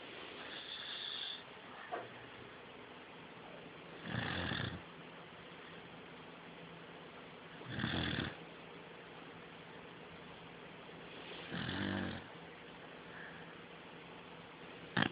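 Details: Beagle, asleep and possibly dreaming, with slow, regular rumbling snores on each in-breath, about 17 a minute; snoring.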